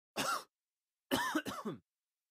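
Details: Acted cough by an adult man, a sound effect: one throaty, voiced cough, then after a pause a quick run of three more.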